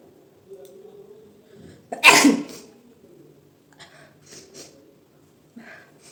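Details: Sneeze deliberately provoked with chili flakes during a sneezing challenge: a single loud, explosive sneeze with a sharp intake before it, then quiet breathing and soft room sounds.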